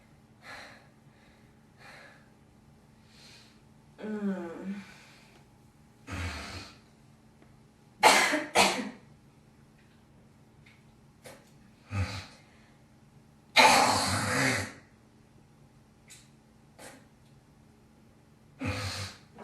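Scattered harsh coughs and raspy throat clearing with hawking sounds, as when bringing up phlegm.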